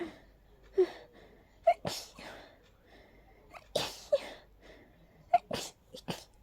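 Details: Person during an allergy attack, unusually intense with tornado-like nasal irritation: a rapid run of about five explosive sneezes, each with a sharp in-breath before it; allergic sneezing fit.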